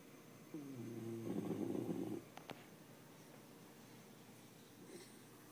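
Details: Young small dog asleep on a lap with his neck across an arm, snoring unusually loudly: one loud, rough, snorting breath, then a quiet stretch with a brief click.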